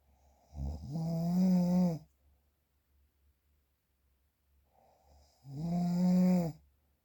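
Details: Real, unprocessed recording of snoring: two loud, droning, buzzy snores on breathing in, with quiet breathing between them.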